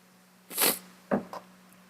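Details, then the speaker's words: A single loud, sharp sneeze with a brief after-sound in a quiet room during a recorded math lesson, described afterward as pretty loud: an ordinary sneeze. "Oh, excuse me. Sorry, guys, I had to sneeze, and you didn't want to hear that on the video. That was pretty loud."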